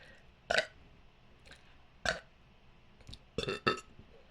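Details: Deliberate belching after swallowing air: five short burps in about four seconds in a quiet room.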